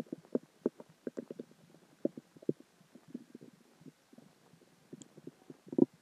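Irregular gurgling and bubbling bowel sounds over several seconds, ending in a louder rumble; ordinary stomach growling after eating and drinking.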